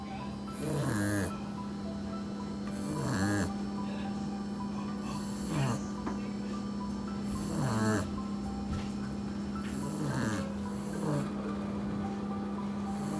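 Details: Sleeping puppy napping after hard play: regular snorting snores, about six in thirteen seconds, over a steady background hum. Snoring.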